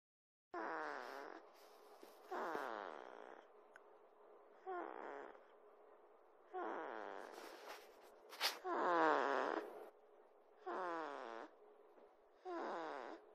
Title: snoring